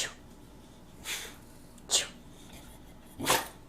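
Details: Female boxer cross performing a sneeze trick on command: three short, soft, breathy snorting bursts; performed sneezing.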